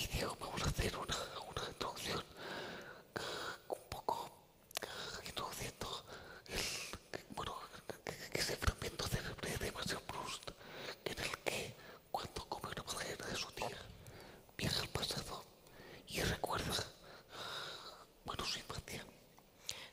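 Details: Adult man with the neurological disease dystonia, which in his case causes uncontrollable neck movements and can affect other body parts; real speech, whispered without voice tone: whispered voice (aphonia) due to dystonia.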